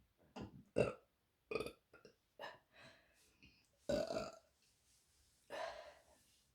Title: Queen of burps 😉😉😉